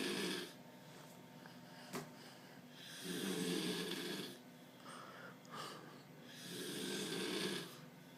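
Rattling inhaled snores about every three to four seconds, roughly 17 a minute, with quiet exhalations between: snoring.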